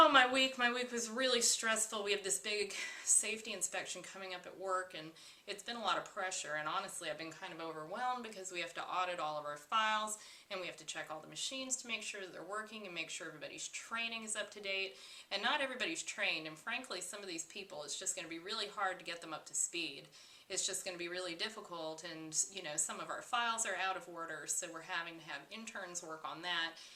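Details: Acted example of pressured speech, as seen in anxiety and manic states of bipolar disorder: accelerated, excessive talking that is difficult for the interviewer to interrupt.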